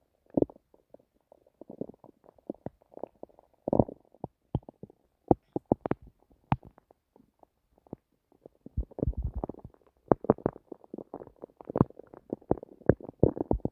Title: I was trying to sleepbut my stomach had plans of its ownkept making noises so I decided to record it